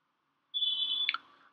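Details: Woodpecker AI endo motor in T-mode, used for bypassing a deep ledge in a curved root canal: a steady high beep lasting about half a second, ending in a couple of clicks.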